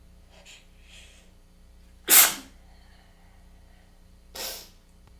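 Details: Sneezing fit from congestion and a tickle attributed to weather change: soft sniffly breaths, then two sharp hissing sneezes a couple of seconds apart in a quiet room with faint hum.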